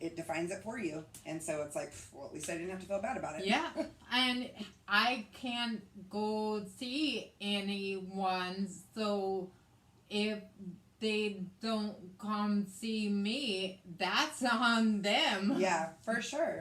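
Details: Post-stroke aphasia in a woman after a hemorrhagic stroke on May 19, 2020, with right-sided hemiparesis, brain surgery and an ICU stay; the aphasia also affects her reading and writing. She speaks in conversation. Finding: aphasia.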